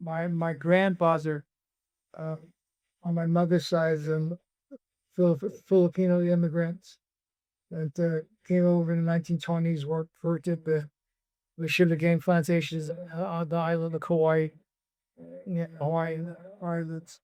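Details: Hypokinetic dysarthria (Parkinsonian speech) in a former world kickboxing champion with Parkinson's disease diagnosed in 2014, who also had REM sleep behavior disorder and reports that his speech difficulty is currently returning.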